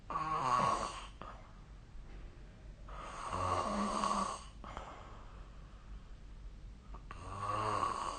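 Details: Loud, rattling, vibrating snores on the in-breath in three bursts with quieter breathing between, during sleep.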